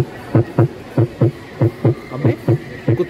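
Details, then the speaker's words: Real dog heartbeat played over a speaker at a science centre exhibit, with room noise; paired lub-dub beats at about 95 a minute. "अब कुत्ते की आवाज़ सुनो कुत्ते की दिल की आवाज़"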